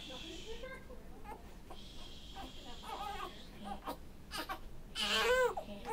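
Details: Infant in the NICU on day 96, during a burping session: fussy whimpering building into a louder cry, with adult voices and room noise behind; infant cry.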